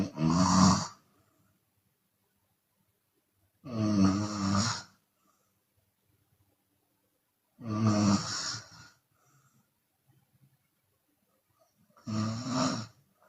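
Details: Chinese woman snoring with her mouth open: loud, rattling snores about 15 a minute with silent pauses between, some with an audible breath out; open-mouth snoring.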